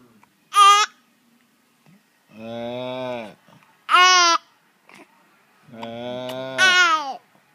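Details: Infant babbling in short bursts while "talking" with his dad, broken by abrupt catches from hiccups that interrupt his vocalizing.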